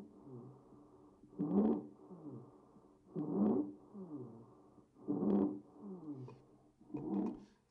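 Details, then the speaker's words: Stridor: harsh, high-pitched musical noise on each breath, about 31 breaths a minute. "again that's caused by a foreign body typically in the esophagus or airway"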